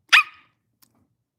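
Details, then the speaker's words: Adult woman with Tourette syndrome during a livestream: a sudden, loud, bark-like vocal tic she calls her bark. "I call it my bark."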